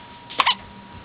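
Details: Girl with the hiccups: a single short, sharp, ordinary hiccup over quiet room noise with a faint steady hum.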